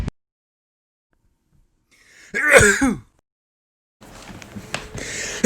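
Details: One loud, voiced sneeze with a rising then falling tone, followed by rustling: sneezing.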